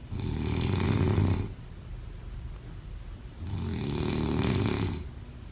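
Loud, low rattling snores on two long breaths in, with quiet breaths out between them; typical adult snoring.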